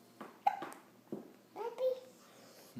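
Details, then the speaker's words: Young child trying to talk and babble with hiccups: short, abrupt catches of breath mixed with soft babbling and words in a quiet room. "try to talk with hiccups H up talk yeah"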